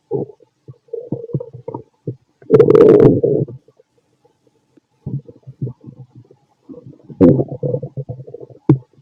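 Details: Fit adult male's abdomen recorded with a stethoscope after lunch and a carton of milk; frequent gurgling and rumbling in irregular bursts, some loud and prolonged; active bowel sounds of normal digestion.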